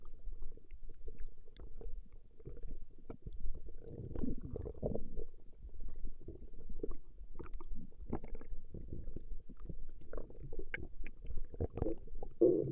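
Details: Woman's stomach growling, recorded over a long session: continuous low gurgling and rumbling with irregular bubbling surges; ordinary borborygmi.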